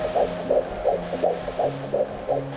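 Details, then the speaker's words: Fetal heartbeat heard on Doppler ultrasound at the first prenatal checkup of a first pregnancy: rapid whooshing pulses at about 165 per minute over soft music. "I could not hear you, but I heard your heartbeat."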